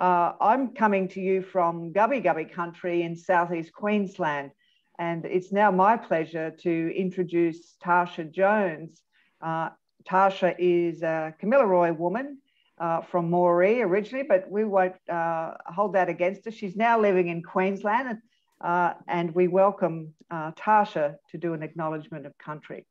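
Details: Adult speaker; normal speech.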